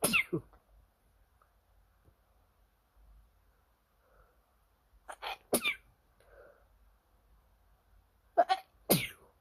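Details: Late-night bout of repeated sneezing from an itchy nose: several quiet sneezes in close succession with sniffs between them, in a quiet room.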